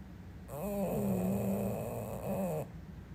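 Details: Female English bulldog sleeping with one long, loud, droning snore with a rattling, buzzing quality; loud snoring.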